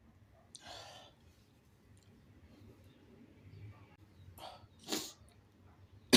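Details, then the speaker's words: Shirtless adult having long-awaited wet sneezes: quiet breathing, then several sharp, forceful airy bursts; sneezes. "I have to sneeze. Finally."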